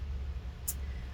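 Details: Vocal tic in an adult woman with Tourette syndrome, partly controlled by medication; her tics, including noises and clicking sounds, flare with stress or awareness of being recorded.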